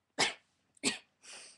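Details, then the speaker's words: A suppressed vocal tic disguised as a cough: three short, sharp cough-like bursts, the last softer and breathier. "that was how I transfer it um from a tick into a cough um pretty sneaky um sometimes it sounds like a sneeze but it mostly sounds like a cough"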